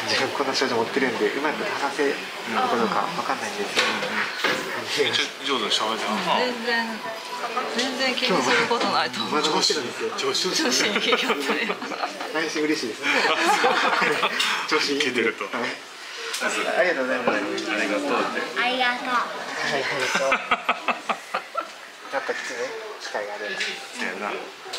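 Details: Stuttering in a young person about to start university, working for a day at a cafe staffed by young people who stutter; stuttering is described as a speech disorder with no clear cure.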